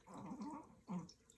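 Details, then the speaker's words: Two low, rough, rumbling snores from a sleeping dog (female) in a quiet room; ordinary snoring, said to be louder than a man's. "Can you believe I have to sleep next to this? Do you hear that? She snores louder than a man."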